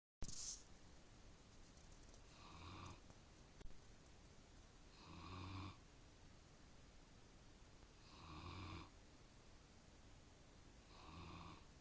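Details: Sleeping Bernese mountain dog snoring: four slow, regular rumbling snores roughly three seconds apart, about 20 breaths a minute, in a quiet room.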